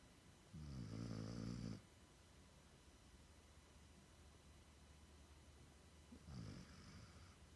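Two loud, low, rattling snores from a sleeping dog, separated by quiet breathing; ordinary dog snoring.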